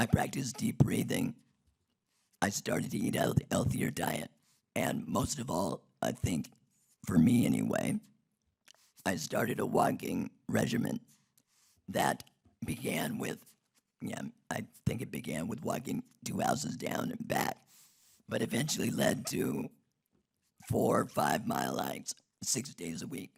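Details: Man who had a laryngectomy in 2016 due to long-term radiation damage from tonsil cancer treatment 19 years earlier, speaking without his natural voice box; alaryngeal speech after laryngectomy.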